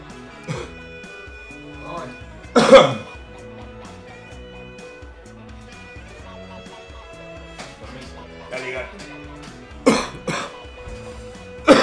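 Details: Coughing fit after smoking: several harsh, explosive coughs breaking through steady background music.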